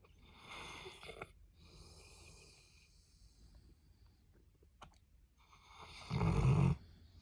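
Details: Someone snoring while asleep, cuddling with a Labrador Retriever: soft noisy sleep breaths ending in one loud, low rattling snore.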